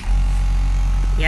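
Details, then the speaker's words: Steady low motor hum of a home suction machine switched on for cleaning with water after suctioning saliva or phlegm, as used for stroke or Parkinson's patients with NGT tube; faint background sounds. "naka-on na siya guys. Tapos, kung mag-pump kayo guys, hawakan nyo lang tong yung hole na to."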